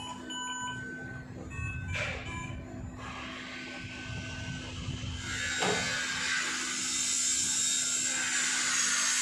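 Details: Philips V200 ICU ventilator (adult, pediatric and neonatal use): steady machine hum with faint tones, a couple of clicks, then a rising rush of airflow; mechanical ventilator operating.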